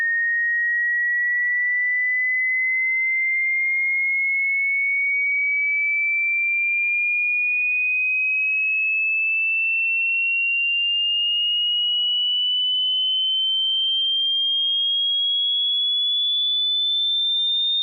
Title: Hearing test or to match your TINNITUS freq